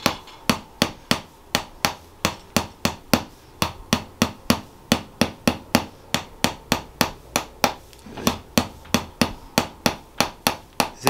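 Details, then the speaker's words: Chiropractic percussive tapping: rapid, sharp, steady taps at about 200 per minute with a short pause, applied near the pelvis and along the spine to loosen it in a patient with mild scoliosis, who reports slight discomfort. "now we do a little tab inside here you got that little scoliosis inside here yeah it tightens up the whole spine so we're just trying to loosen up the spine"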